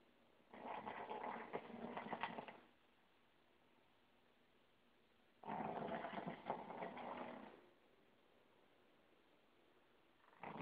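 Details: Snoring during sleep: two long, rough, rattling breaths about five seconds apart, separated by quiet pauses.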